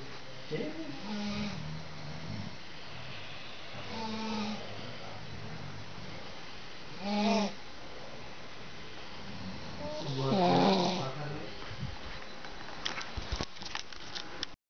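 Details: Soft, rough, low rumbling breaths repeating at about 19 a minute with light background noise, recorded at a summit; snoring.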